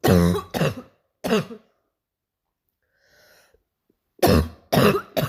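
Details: An adult imitates a harsh, low barking cough in short clusters separated by silence; a simulated barking cough, not a real one.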